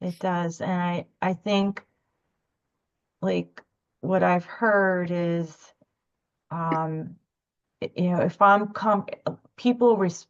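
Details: Adult woman speaking; stuttering (covert).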